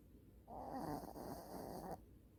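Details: Small Maltipoo pet dog snoring while asleep: one long, rattling breath through the nose and throat.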